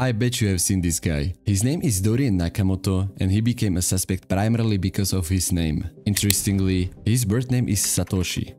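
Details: Adult male narrator; normal adult speech.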